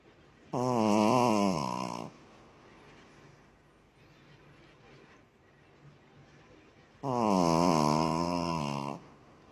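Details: Dog snoring: two long, loud, vibrating snores about six seconds apart, roughly ten breaths a minute, with quiet breathing between them.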